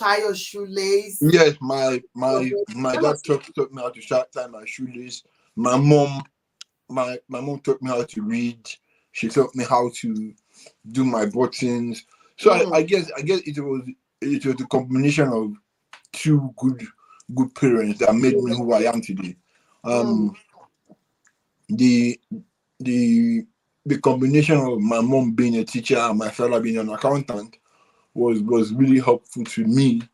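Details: Adult man with dysarthria from cerebral palsy present since birth, which he attributes to high bilirubin at birth; he describes it as affecting the brain area controlling movement and speech.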